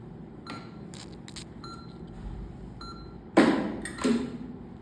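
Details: Short high electronic beeps at irregular intervals from a phacoemulsification machine during direct-chop cataract surgery on an elastic diabetic nucleus with central PSC, ending with louder clicks and whooshes near manual irrigation and aspiration.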